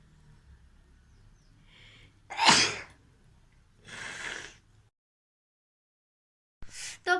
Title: Sneezing challenge and nose blowing 🤧Request video 🤝